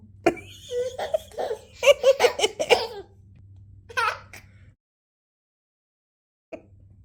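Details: Hiccups in a 15-month-old baby girl, a toddler hiccuping repeatedly.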